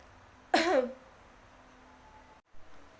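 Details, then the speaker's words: Nursing student demonstrating effective cough technique after deep-breathing relaxation: two breaths in, then one strong deliberate cough about half a second long in a quiet room, to expel secretions into a sputum pot. "Disini saya akan mencontohkan Bagaimana batu efektif yang mana kita menarik nafas dua kali dan kita batuk secara kuat"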